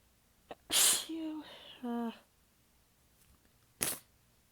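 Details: Sharp sneeze with a drawn-out voiced lead-in, then a shorter second sneeze seconds later. Part of a massive sneezing fit; the person is exhausted with sore abs and partly biting the sneezes back. The fit was recorded across clips in changing positions.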